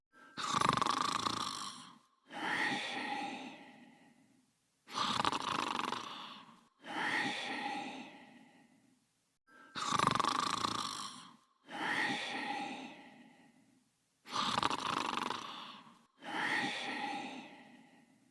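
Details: Snoring replayed from a TV series: loud, rasping snores on both the in-breath and out-breath, about 13 cycles a minute; heavy snoring.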